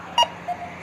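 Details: Two brief electronic tones, the first louder, from a Breas Vivo 65 portable ventilator alarm sounding during its pre-use self-test; ventilator alarm.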